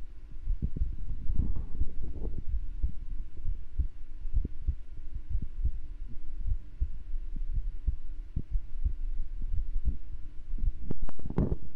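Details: Steady, regular low heart thumps over a faint hum, at an ordinary rate, during an ASMR stream. Normal heartbeat.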